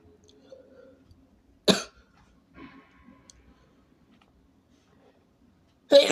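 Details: Person with a cold: two sharp, explosive sneezes, one near the start and one at the end, with quiet room noise between; sneezing.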